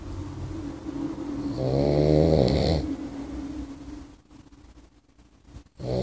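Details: Snoring from a sleeping Boxer puppy, recorded during sleep.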